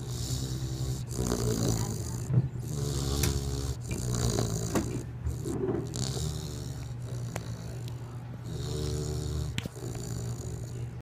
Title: Snoring Dog